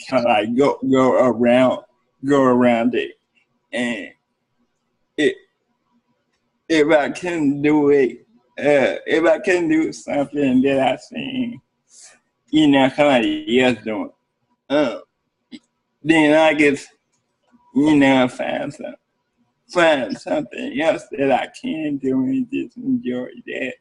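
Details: Adult man with cerebral palsy speaking in an interview; cerebral palsy is noted as able to affect speech. Dysarthria (cerebral palsy).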